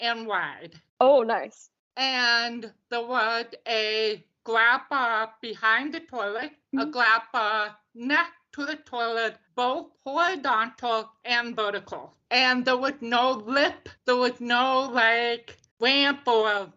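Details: Deaf speech of a woman deaf since birth, diagnosed at 18 months, who wore bilateral hearing aids until college and now uses cochlear implants.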